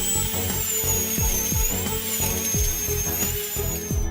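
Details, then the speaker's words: High-pitched whining dental drill at raised speed over background music: a small 8 mm drill bit begins boring into hard alveolar bone to prepare a dental implant site. "In order to penetrate the hard alveolar bone The doctor turned up the drill speed Everything is ready. The drilling began."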